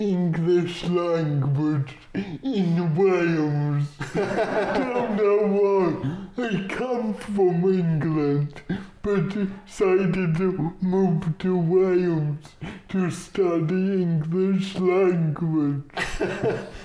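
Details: Dysarthria in an adult male comedian with cerebral palsy.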